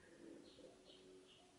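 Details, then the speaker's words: Adult woman's stomach growling from hunger: faint, drawn-out gurgling rumble with squeaky tonal notes. "my god did you guys hear my stomach actually bershka jeans and they're the medium rise cargo straight my stomach growled I'm getting hungry I'm getting hungry"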